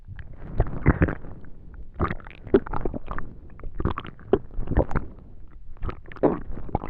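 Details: Bowel sounds.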